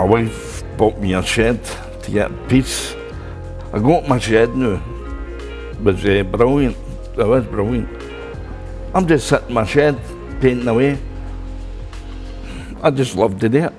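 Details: Adult man after a stroke in 2010 who could not talk at all at first and had to relearn speaking; aphasia after stroke.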